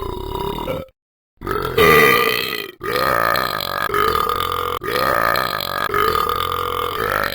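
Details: Talking Ben gameplay, a game character rather than a real recording: about five long, loud, drawn-out burps in close succession: burping.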